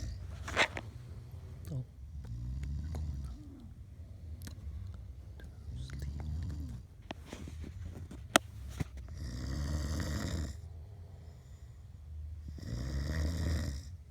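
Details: Person snoring while asleep, recorded in the UK in 2016: low rumbling snores with rattling breaths roughly every three to four seconds, plus scattered clicks and room noise.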